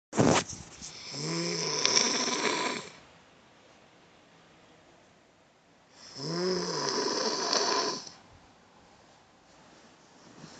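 Two long, loud rattling snores with a raspy, fluttering quality and quiet pauses between; heavy snoring at roughly ten breaths a minute.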